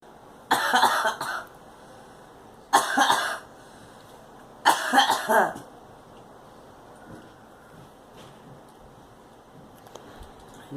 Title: Girl coughing